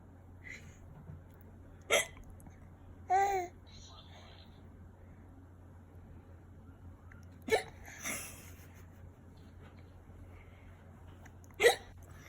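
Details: Infant with hiccups: three sudden, sharp hiccups several seconds apart, soft babbling between them, low steady room hum.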